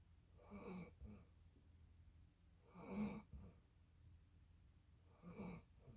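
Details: Quiet, rough snoring breaths during sleep, recurring about every two and a half seconds in a still room.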